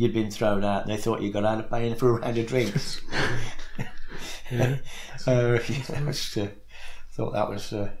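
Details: Adult male speaker; speech.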